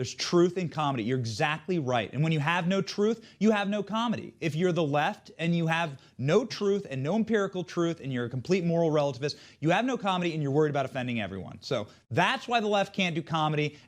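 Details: Adult male speaker; normal fluent speech.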